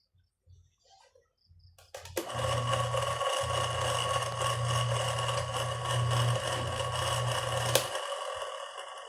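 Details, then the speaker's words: A nebulizer compressor rated 180 Hz is powered on for testing before repair and starts with a loud low hum and a buzzy rattle; the abnormal noise is suspected to come from a loose part inside. "Parang iba ang kanyang tunog mga sir. Abnormal. Try natin ulit. Patayin natin parang may kumakalampag sa loob."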